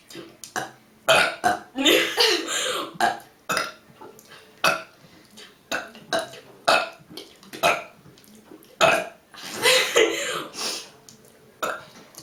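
Many loud, voiced belches in quick succession, some long and drawn out, with brief laughter between them.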